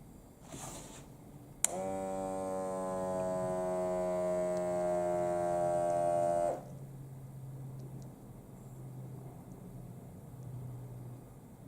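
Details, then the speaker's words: Steady motorized pump hum for about five seconds as a HYLOGY digital automatic upper-arm blood pressure monitor cuff inflates during a self-measurement, then stops; quiet room noise; cuff inflation. "turn this off turn this on now it should pump up"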